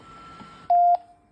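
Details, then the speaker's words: Home Nippy ventilator of a spinal cord injury patient being switched off by carer button press: soft room hum, then a single quarter-second electronic beep. "and to switch this one off which is your ventilator is press"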